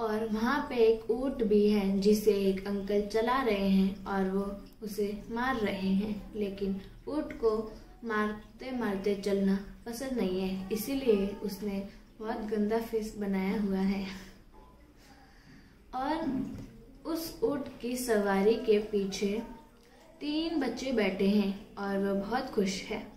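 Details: Stuttering in a Hindi speaker describing a picture during a stammering therapy session.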